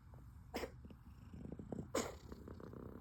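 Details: Cough recorded on day 4 of azithromycin with no improvement seen.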